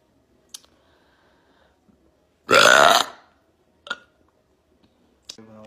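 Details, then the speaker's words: One long, loud, rumbling belch in a quiet room with a few soft clicks around it; burping, from a compilation of loud burps and drunk hiccups. "That little burp. That was so loud."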